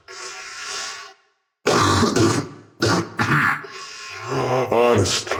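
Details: Genuine coughing from an adult who is actually sick and says they are likely still contagious: a breathy exhale, about three harsh, wet-sounding coughs and a strained groan.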